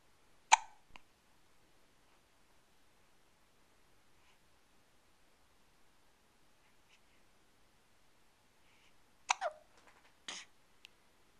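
Brief sharp isolated clicks and gulps separated by silence, fitting hiccups.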